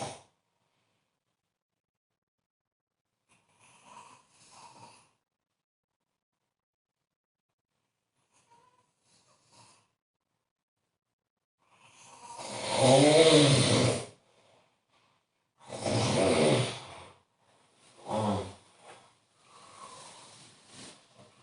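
Quiet breaths, then several loud rough snorting breaths, about 19 a minute; snoring.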